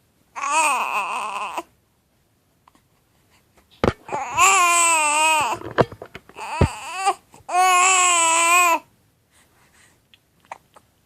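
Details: Infant with hiccups: three fussy cry bursts with pauses between them, in a quiet room; ordinary crying.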